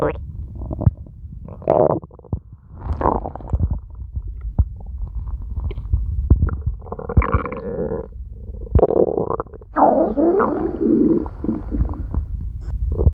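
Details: Woman's stomach growling: gurgling, rumbling bursts of varying pitch, some long and squeaky; ordinary borborygmi.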